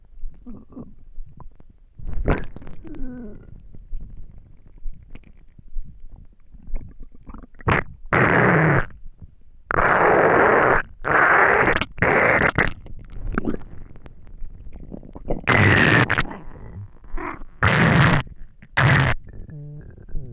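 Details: Loud gurgling, rumbling and squeaking bursts from the empty stomach of a person who had not eaten for a day; hunger bowel sounds (borborygmi).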